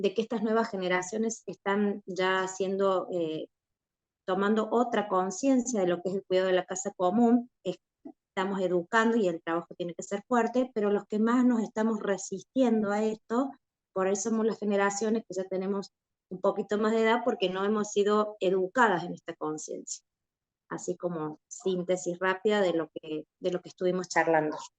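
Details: Adult woman speaking Spanish; Normal speech.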